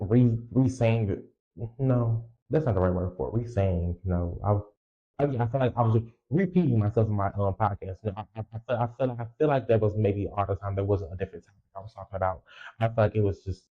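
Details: Young woman podcaster, stated to be 20, with a self-reported speech impediment and lifelong stuttering, left unedited; repetitions of words and sound parts; stuttering.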